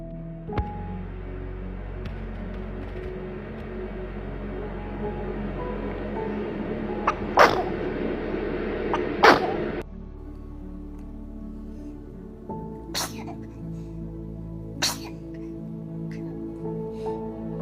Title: Adorable Baby Sneeze Moments that Will Melt Your Heart! #baby #anime #babysongs